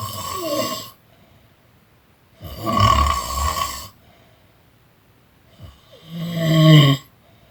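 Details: Person snoring during a nap: three loud, rattling snores a few seconds apart with quiet pauses between; typical sleep snoring.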